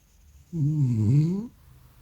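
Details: A sleeping French Bulldog: one loud, low, tonal rumbling snore lasting about a second, with rising and falling pitch.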